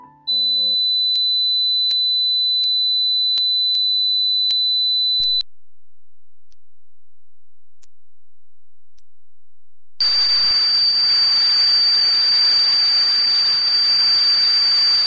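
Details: Simulated tinnitus: a steady high-pitched whistle, then a higher tone, then a hissing ringing sound, illustrating ringing or buzzing in the ears.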